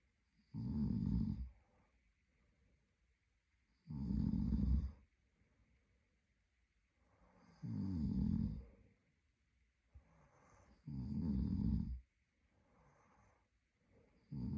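Deep, rattling snores on each breath in, about 18 a minute, with quiet gaps between them.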